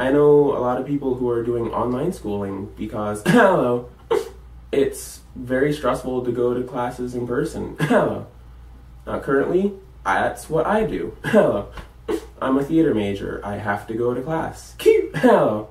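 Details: College student with Tourette syndrome; vocal tics such as repeated interjections ('Hello') while talking; vocal tics (Tourette syndrome).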